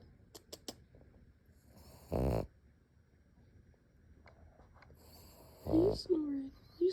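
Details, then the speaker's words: Pug snoring: two short, loud, rattling snorts several seconds apart with quiet breathing between, then small whining sounds. The title says it snores while sleeping and while awake. "still snoring."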